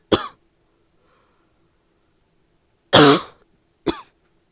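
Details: Female's coughing fit: three harsh, hoarse cough bursts, the middle loudest and most tonal, separated by pauses in a quiet room; a barking cough.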